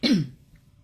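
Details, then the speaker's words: A single harsh cough burst, then quiet, from an adult in bed who has been coughing heavily for several nights; first thought to be dust from electric heating, the person attributes it to "electronic torture"; cough. "It's like that I always get really bad coughing fits. But again, that's because of the electronic torture."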